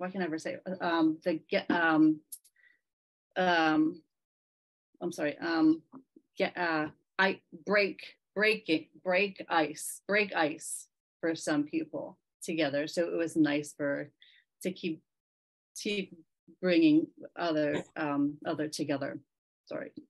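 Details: Member of a group of people with aphasia, speaking at a virtual aphasia conference; aphasia.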